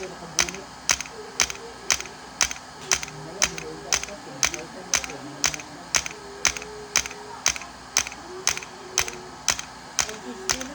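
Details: Sharp, evenly spaced clicks about once a second over faint room noise: integrative shockwave therapy handpiece at 3 Hz/90 mJ, 1,000 shocks, on the popliteal area for pain at the back of the knee.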